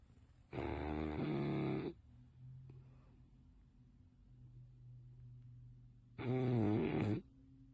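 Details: Sleeping bulldog: two loud, gravelly snores with quiet breathing between them; dog snoring.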